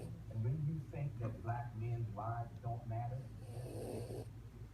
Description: Our dog sleeping and snoring :)